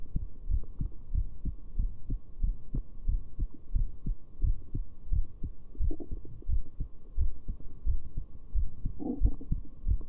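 Steady low thumping heartbeat at roughly 85 beats a minute, each beat a soft double thud, with faint background hum.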